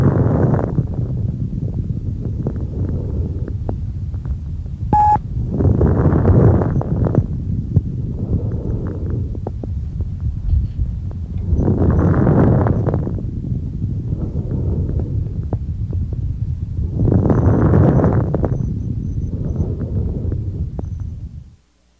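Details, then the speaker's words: Stethoscope over the chest of a patient breathing deeply through the open mouth: brief, high-pitched, discontinuous explosive popping crackles during breathing. These are fine crackles, which may be early or late inspiratory. "οι τρίζοντες ιχο είναι ασυνεχείς εκρηκτικοί ηχο οι οποίοι ανάλογα με τη συχνότητά τους μπορούν να διακριθούν στους λεπτούς και στους αδρού τρίζοντες ακούστε τώρα τους λεπτούς τρίζοντες"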